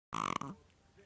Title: Chihuahua snoring